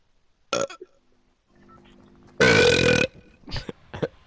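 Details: Burping (eructation) from an adult man while playing an online game: a long, loud, throaty belch after two shorter bursts, with faint game sounds.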